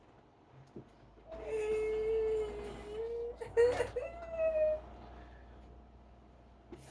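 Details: Sustained, strained moaning cry with a brief catch during a tonic-clonic seizure in a person with 22q deletion and autism, evening after a bath; oxygen saturation falling to 91–93%, so supplementary oxygen is applied.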